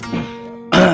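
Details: Cough.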